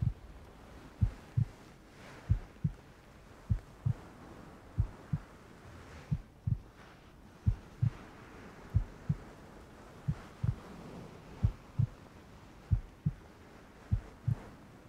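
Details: Regular paired low heart thumps, roughly 75 beats a minute, over a steady rain-like hiss; a normal heartbeat sound used in an ASMR roleplay with rain ambience.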